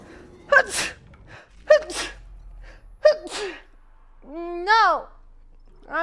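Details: Female streamer sneezing three sharp times in quick succession, each with a short indrawn breath before it, then a voiced sigh; a bout of repeated sneezing.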